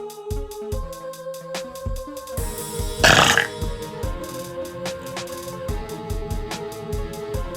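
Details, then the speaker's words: Woman in her car in a parking lot burping: throaty belches over loud electronic music with a steady beat. She remarks that some burps are unsatisfying when the ending doesn't come out. "I have been asked before if there's unsatisfying burps, and the answer is yes. It's like you get a majority of it out, and then the ending just doesn't satisfy."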